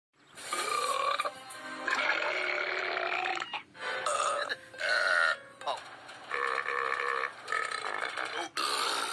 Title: 30 second of burps